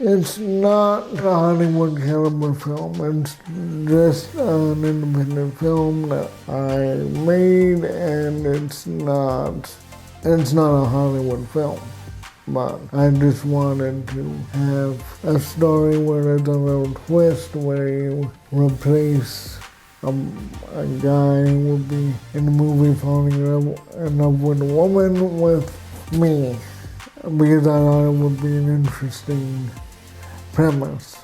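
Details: Adult man with cerebral palsy, who has had walking difficulty since childhood: dysarthria in cerebral palsy.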